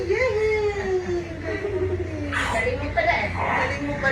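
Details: High, drawn-out wails of a newborn girl right after normal vaginal delivery, with adult voices and room noise in the background; newborn cry.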